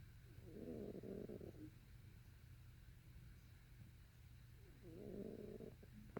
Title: is actually snoring, you'll have to listen closely...